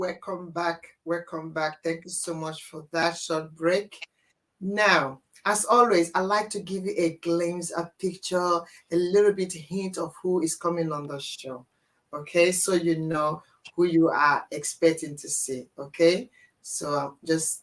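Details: Adult woman speaking; normal speech.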